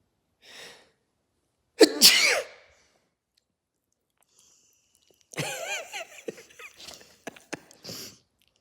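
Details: A soft breath in followed by a single loud, explosive adult sneeze, then a wavering vocal sound; sneeze.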